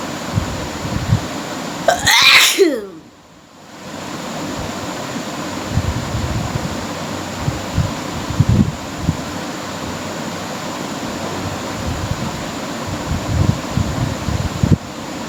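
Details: One sharp explosive sneeze over steady background noise, then a quiet hiss, from a person doing a deliberate sneezing challenge: sneeze.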